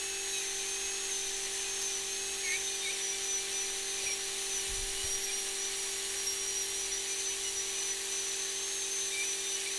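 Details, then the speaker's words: Training simulator, surgical extraction: continuous high-pitched whine of a dental drill sectioning a three-rooted tooth into single-root fragments, leaving two roots and one root. "Now we've sectioned the teeth. We've got two roots here and one root here."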